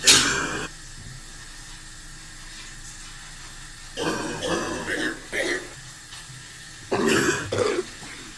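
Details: About six short, harsh coughs in separate bursts, some close to throat clearing, over steady room hum.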